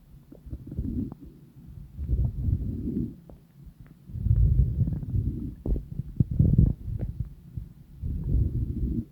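Deep gurgling, rumbling bursts at an irregular pace, about 30 a minute: ordinary stomach rumbling from gas and fluid moving through the gut.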